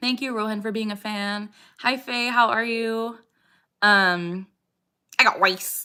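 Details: Woman with Tourette syndrome, diagnosed at age 12 and now 27, producing a repeated vocal tic phrase during a livestream; vocal tic (Tourette syndrome).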